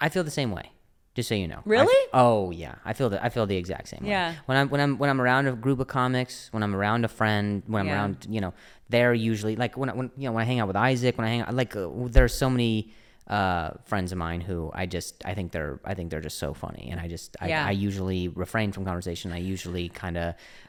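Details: Stuttering in an adult male comedian speaking conversationally in English; he discusses his injury and his stutter.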